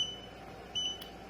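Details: Two short high beeps from the control panel of an ANGELBISS ANGEL-5POC portable oxygen concentrator as settings are changed during startup (gear 2 of max 5, 30-second pressure boost), over a low steady machine hum.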